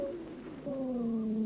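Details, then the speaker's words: Auscultation of the lungs of a patient during a bronchial asthma attack: dry rales (wheezes), formed by bronchospasm and narrowing of the bronchi with viscous exudate. "сейчас вы слышите сухие хрипы у больного во время приступа бронхиальной астмы"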